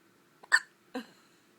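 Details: A newborn only a couple of days old, filmed in hospital, gives two short, sharp hiccups; the hiccups are described as loud.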